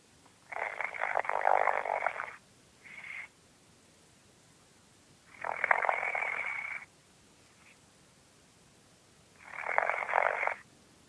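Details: Three long, rough, rattling snores on the in-breath with quiet pauses between them, about 16 breaths a minute, from a sleeping boy: snoring.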